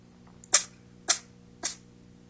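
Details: 6-week-old kitten on its first night home sneezing: three quick, sharp, hissy sneezes in a row, about half a second apart.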